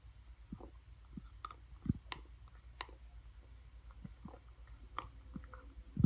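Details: 15-year-old female cat grinding her teeth while eating, attributed by two veterinarians likely to dental and GI disease: irregular sharp clicks and gritty crunching; bruxism.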